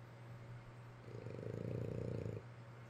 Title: Sleeping and snoring with Daddy